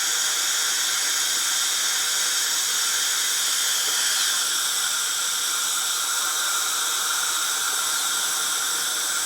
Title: Annoying Sounds & Noises. The Dentist Drill. Horrendous. It Just Winds Me Up. Please Enjoy.